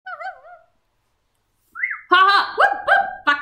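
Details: Young woman with Tourette syndrome and PTSD, with tic attacks, producing vocal tic sounds; vocal tics.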